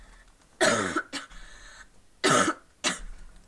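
Four harsh cough bursts in pairs, the second of each pair short and catching, over quiet room noise; a lingering cough persisting after an illness.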